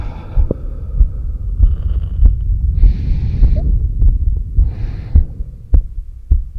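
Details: Normal heart sounds recorded at the apex during exhaled (stomach vacuum) and inhaled breath-holds, with an oximeter in use: regular low thumps at about 100 a minute, with soft breathing noise between them.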